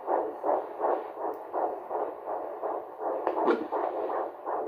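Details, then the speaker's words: Fetal heartbeat on handheld Doppler at the midwife appointment, 12 weeks 3 days, fourth pregnancy, first time hearing it: fast, regular whooshing pulses about 155 a minute, with a brief knock midway. "But back to my midwife appointment, I did just want to say that this was the first time that I have heard my baby's heartbeat."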